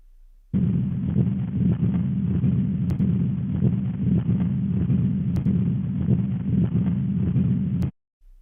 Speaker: La bonne réponse est un souffle de machinerie. Il s'agit d'un résultat classique chez les patients présentant une persistance du canal artériel.